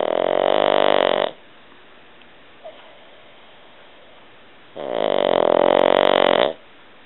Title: Doug the snoring Pug